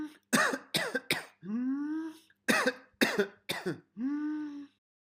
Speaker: The second sound I have here for you is an adult with whooping cough.